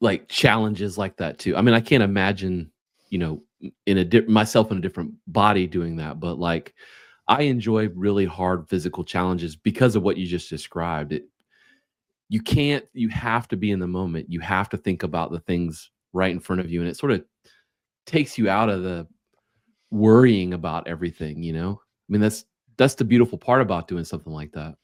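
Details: Adult man speaking; normal speech.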